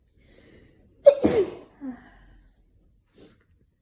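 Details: Adult with an itchy nose, possibly from tree-pollen hay fever or an oncoming cold: a quick catching breath, then a single sharp 'achoo' with a short vocal tail and a faint sniff; sneeze.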